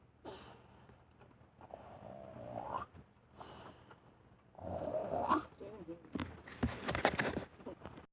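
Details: Irregular rough breathing noises with snorting, fluttery sounds on some breaths; snoring.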